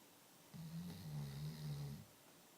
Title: my chocolate labradors snoozing/snoring